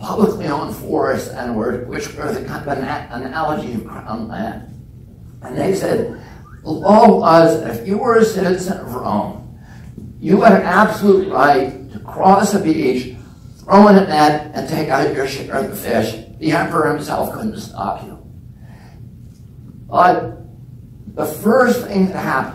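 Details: Man with spasmodic dysphonia (spasmodic dystonia) since age 42, after a previously strong voice; voice trembles, the tremble lessens or goes away after speaking a while; not painful.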